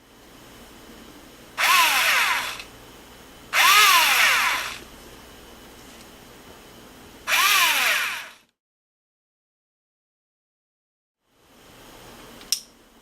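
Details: Powered intraosseous drill running during paramedic demonstration of IO catheterization on a tibia model: three short bursts of high-pitched motor whine rising and falling, each about a second long.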